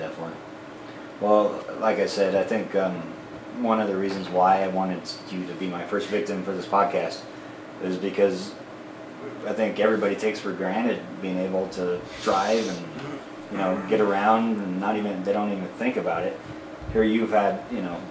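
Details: Adult man speaking in a small room; ordinary speech.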